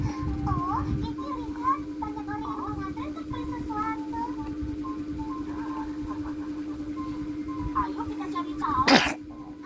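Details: Infant babbling over a steady background hum, then one abrupt sharp burst near the end, consistent with a single sneeze from a baby with a recurring cold (pilek), recorded while being sunbathed.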